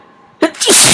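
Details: Quiet room noise, then a sharp, wet burst rising into a loud spray of air. A big, wet sneeze, induced by tickling the nostril with rolled-up paper towel.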